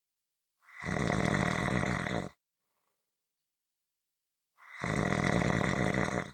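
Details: Two long, rough, rattling snores on breathing in, separated by a quiet pause; ordinary snoring.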